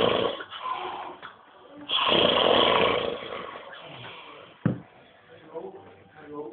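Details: An overweight man snoring in a small room: loud, harsh, rattling snores with snorting breaths; heavy snoring.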